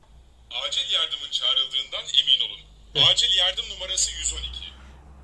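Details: Turkish recorded male voice prompt from an automated external defibrillator, running on an external power adapter after its battery died, with no electrodes attached, instructing to remove the patient's clothing and expose the chest.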